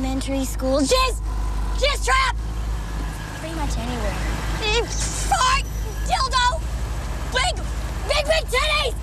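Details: Acted film scene of Tourette syndrome (Gilles de la Tourette): outbursts of obscene words interrupting speech; coprolalia vocal tics.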